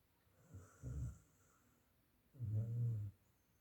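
Deep, low rumbling snores from a sleeping dog, two breaths in quiet surroundings: snoring.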